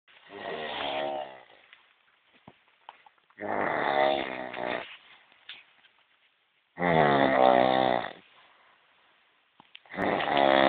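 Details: Loud rattling snores on the in-breath, about one every three seconds, with quiet out-breaths between; snoring.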